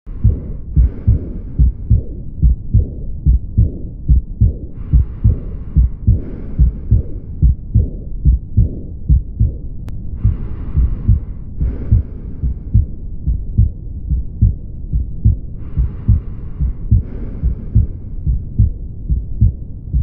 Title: Aortic regurgitation